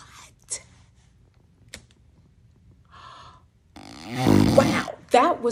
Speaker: Obstructive sleep apnea is a complete blockage of the airway when you sleep. No air is moving, and it sounds like this.